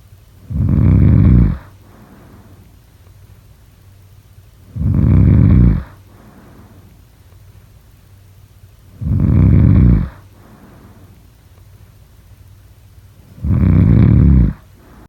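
Loud, deep, regular snores on each in-breath, about 14 a minute, with quiet gaps between; steady snoring.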